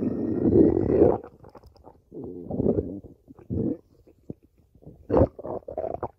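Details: Loud gurgling, growling stomach rumbles in irregular bursts with quiet gaps from gas and fluid moving through the gut; stomach growling (borborygmi).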